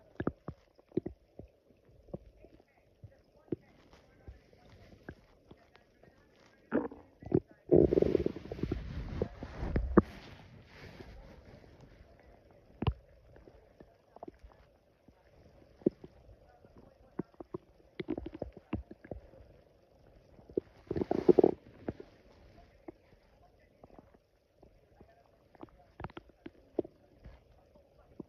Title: Loud stomach growling after drinking coffee on an empty stomach prt 2